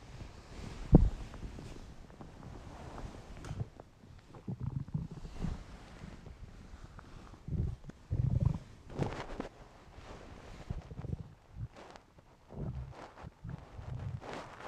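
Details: Irregular, low gurgling and rumbling bursts from an adult male's belly over a quiet background: ordinary hunger stomach rumbling (borborygmi).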